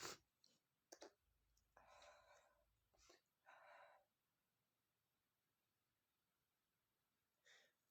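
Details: Male sneezing after sniffing red peppers: sharp inhalations followed by two forceful, noisy bursts of air, in a quiet room.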